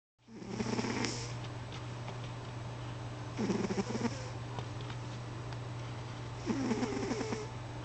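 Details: Sleeping animal with soft rattling snores roughly every three seconds, about 20 a minute, over a steady electrical hum; snoring.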